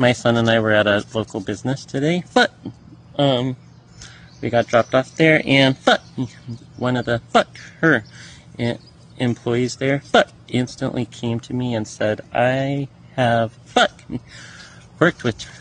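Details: Adult man with Tourette syndrome producing repeated interjected vocal tics during speech; vocal tics (Tourette syndrome).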